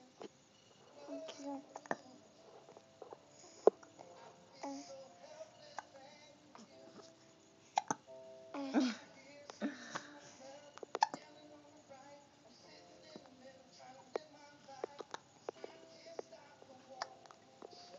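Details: Young child's hiccups: small, abrupt, repeated gulping sounds between vocalizing, with background music.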